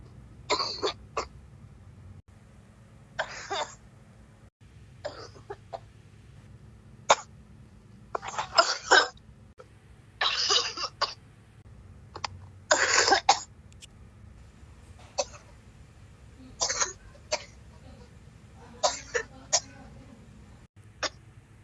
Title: Coughing so hard wanna puke! 🤮🤮🤮